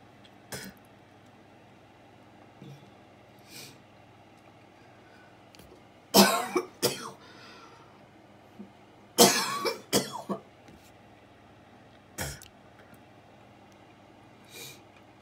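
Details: An adult coughing attack, which the recorder attributes to lungs exposed to frequencies: clusters of harsh, forceful coughs in repeated bursts, with faint vehicle hum in the background.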